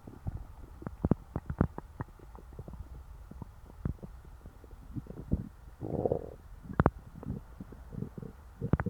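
Frequent soft gurgles, pops and brief rumbles from the belly after a full meal; ordinary digestive bowel sounds.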